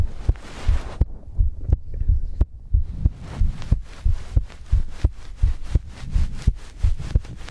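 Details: Low, paired heartbeat thumps recorded as ASMR with breathing, about 88 a minute, with some rustling and breath noise between beats; a normal heartbeat.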